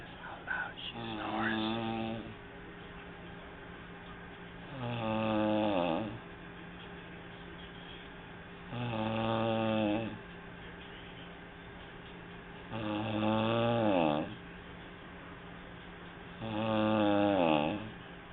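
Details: Person snoring, recorded on an HTC mobile phone: five regular rumbling, drawn-out droning snores on the in-breath, about 15 per minute, over a steady room hum.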